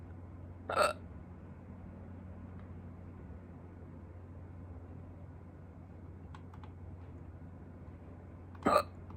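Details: Two sharp, abrupt hiccups about eight seconds apart against quiet room hum with faint clicking between them, in a person who had hiccups for the first time in a long time; hiccups.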